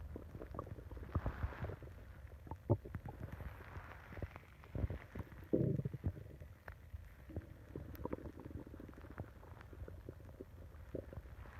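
Long, low, continuous gurgling and rumbling with bubbly pops; ordinary stomach growling from normal gut activity.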